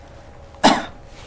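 A single short, dry cough from an adult on request, used to localize abdominal pain during examination, in a quiet room.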